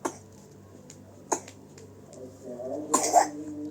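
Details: A young child gives a few small, soft coughs, then a brief vocal sound, in a quiet room.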